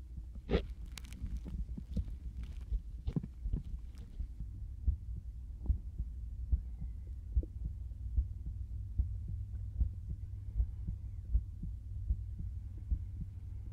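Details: Regular low heartbeat thumps through a stethoscope, about 73 a minute, after brief handling noise, recorded as binaural ASMR; normal heart sounds.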